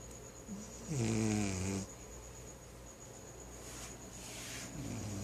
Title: snoring